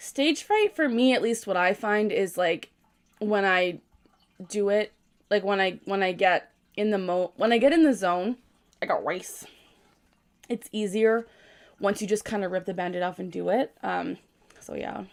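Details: 24-year-old woman with Tourette syndrome, diagnosed at age 12, producing her most common phrase vocal tic mid-sentence; complex vocal tic (Tourette syndrome).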